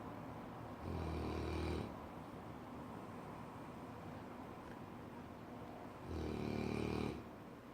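Two long, low, buzzing snores about five seconds apart over steady background noise, consistent with a sleeping dog snoring.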